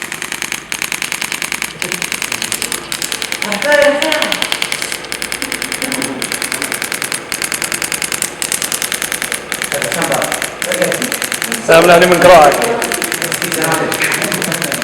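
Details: A radial shock wave therapy unit fires rapid repetitive clicking pulses, about 200 a minute, applied to a painful area in a physiotherapy practical lesson on chronic muscular pain, with brief talk in the background.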